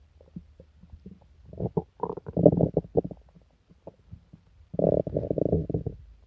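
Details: Person sick to the stomach for several days with pain, diarrhea and nausea: loud gurgling and deep growling bowel sounds in irregular bursts; active borborygmi.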